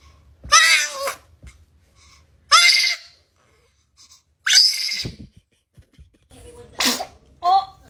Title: kids sneezing